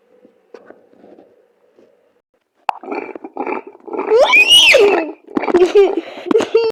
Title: ENDLESS STOMACH GROWLING